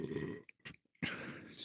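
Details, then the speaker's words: A long, low, rumbling belch, then a second throaty burst, from a real person after chugging an energy drink during a VRChat role-play. "Always one last sneaky little burp. Well, not little. Almost as big as me."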